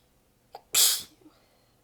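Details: Short inward catch, then one forceful, hissing, partly held-back sneeze with a faint sound after. Part of a massive sneezing fit; the person is exhausted with sore abs and stifling the sneezes. The fit was recorded across clips in changing positions.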